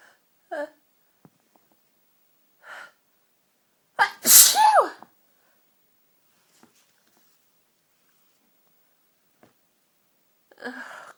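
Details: One loud, forceful sneeze with a sharp onset after a few quick breaths in, part of a long fit of strong, tickly sneezes during a cold.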